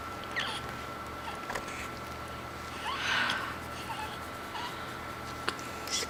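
Faint, brief sneeze bursts from a small pet animal, mixed with soft squeaks in a quiet room.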